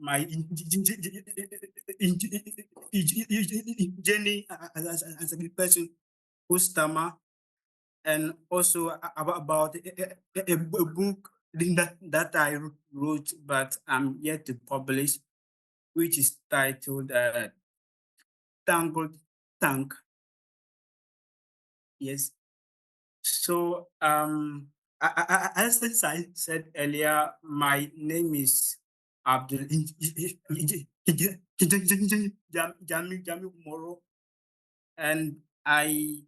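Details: Adult man from Ghana who stammers, speaking at the start of a public talk, where he says his stammer is usually hardest before improving once he gains momentum; stuttering.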